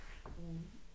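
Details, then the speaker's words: An adult's stomach rumbling from hunger during a live cake-decorating session: a brief, low, tonal gurgling groan. "Oh, that's my tummy rumbling. Did you hear it? I did. I thought it was your tummy. That's my tummy."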